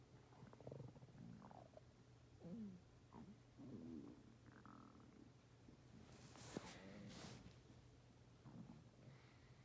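Low gurgles, creaks and rumbling squeaks from the belly with steady room hum; ordinary stomach growling, a normal bowel sound.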